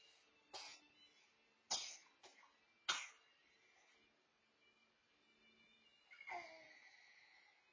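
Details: Five short, sharp, dry cough bursts spaced irregularly over several seconds, with a faint steady background hum; cough.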